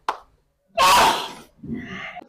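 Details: An acted gasp in a comedy sneezing-challenge short: a sharp intake of breath, then a loud, noisy, sneeze-like burst and a softer trailing exhale.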